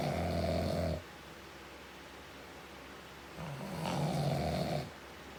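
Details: Two loud, low, vibrating snores separated by a quiet exhale, roughly one breath every four seconds; steady heavy snoring from an adult man.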